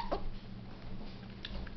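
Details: Infant girl's hiccups: short, sharp hiccup sounds, one near the start and more close together later, over a low room hum; she gets frustrated and has them several times on some days.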